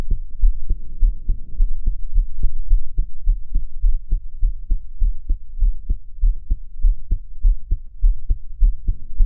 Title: My heart sound I'm crying